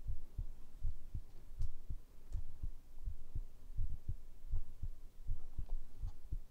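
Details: ASMR heartbeat recording: steady paired low thumps at about 80 beats a minute with a soft background hum; normal heartbeat.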